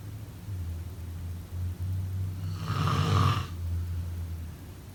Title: Snoring sound…